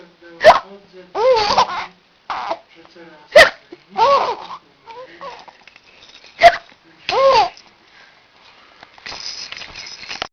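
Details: Three sharp hiccup bursts, each followed by voiced laughing or giggling, with faint background noise: hiccups interrupting laughter.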